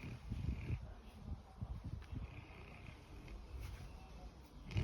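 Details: Sleeping dog, sound asleep: deep, rough, rumbling noises with each breath, loud and irregular over a few seconds; snoring.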